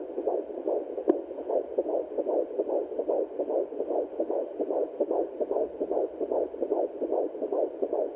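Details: A rapid, regular, whooshing fetal heartbeat at about 150 beats per minute, a normal rate. It is a baby boy at 14 weeks of pregnancy, heard at home on a TempIR Angel Heart fetal Doppler.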